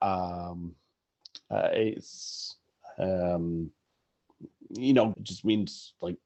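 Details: Adult male sportswriter who stutters, stuttering in conversation.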